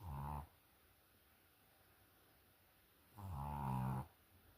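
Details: Snoring.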